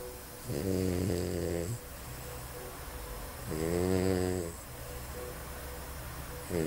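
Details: Dog snoring: deep, buzzing snores on each breath, about 20 per minute, with a steady low room hum.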